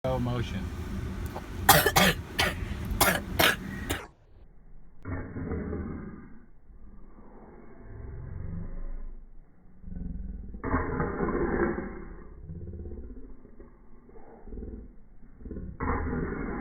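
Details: A quick run of about five sharp coughs, followed by muffled, low-quality talking; cough.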